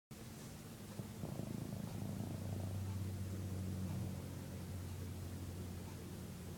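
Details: Dog snoring: low, steady rumbling breath noise over a long stretch, like a soft purr-like drone.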